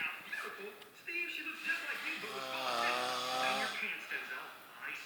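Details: Friend snoring very loudly in sleep: a loud, vibrating snore with a strong buzzing tone on one breath, among muffled room sounds; snoring.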